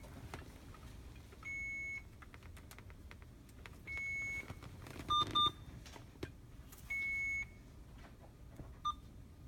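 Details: Several short electronic beeps and key tones as an IV pump is programmed for a secondary infusion of imipenem 500 mg in 100 mL, for a 34-year-old woman with fever of unknown origin and renal failure. Routine pump programming beeps.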